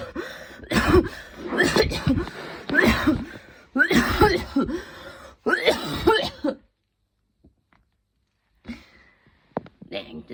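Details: Evening coughing fit before bed, more intense than the person's usual coughs, leaving them tired and overheated; five harsh, rough bursts over about six seconds, then faint breathing: coughing fit.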